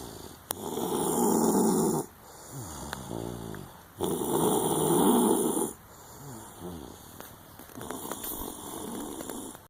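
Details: Snoring during sleep: loud rattling snores on each breath in, with quieter breaths out between.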